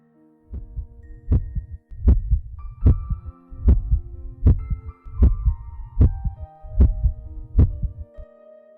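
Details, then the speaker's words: Steady low heart thumps about 76 a minute through a stethoscope with soft background music: normal first (systolic) and second (diastolic) heart sounds in a cardiac auscultation teaching demonstration. "2 bruit normal du cœur, B1 bruit systolique, B2 bruit diastolique."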